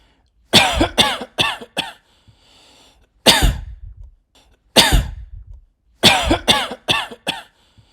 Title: Coughing sounds (1 hour)